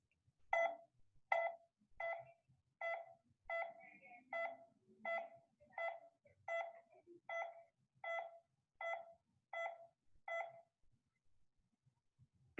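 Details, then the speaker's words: Audible pulse oximeter beep, each beep corresponding to one heartbeat: steady, evenly spaced beeps at about 80 per minute. "there is also an audible beep that beep corresponds to each heartbeat it sounds like this"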